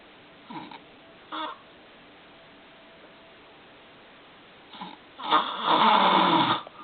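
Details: Adult man filmed sleeping, who works the overnight shift: a few short snorts, then a long, loud, harsh rattling snore; snoring.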